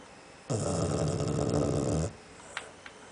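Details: Sleeping dog that habitually snores: a single loud, rumbling, fluttering snore lasting about a second and a half; dog snoring.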